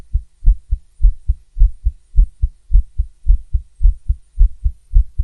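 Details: A fast female heartbeat heard through a stethoscope, rapid lub-dub at roughly 100 to 110 a minute, with slightly uneven spacing and occasional skipped beats.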